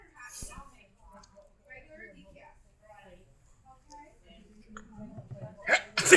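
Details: Grandma's sneeze: soft talking and breathy sounds build up to one abrupt, forceful sneeze burst at the end.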